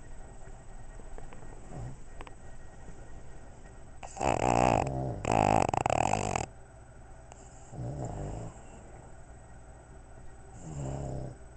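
Loud, harsh rattling snores in separate bursts over quiet room noise; snoring in sleeping dogs.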